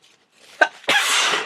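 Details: A short intake of breath, then one loud explosive sneeze, a powerful sneeze with a cold.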